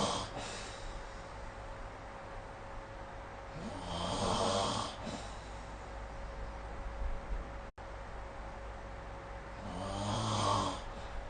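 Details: Snoring during sleep, recorded with the SnoreLab app: two long rattling inspiratory snores about six seconds apart over a steady low room hum.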